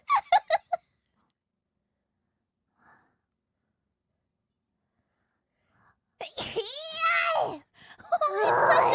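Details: Quick run of sharp sneeze bursts, then a drawn-out voiced exhale and noisy breath, from a VTuber during a stream (sneezes 133–142, old recording); repeated sneezing.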